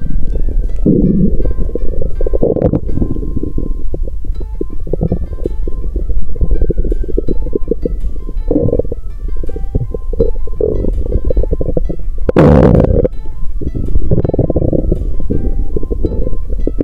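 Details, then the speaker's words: Stomach rumbling recorded on 2 January, with the person saying they are not hungry today; low gurgling, rumbling noises continue throughout under background music: ordinary bowel sounds (borborygmi). "อีกอย่างวันนี้ฉันไม่หิว😣เสียงกระหึ่มยังดังอยู่ครู่หนึ่งโปรดฟังถ้าคุณชอบ🤗"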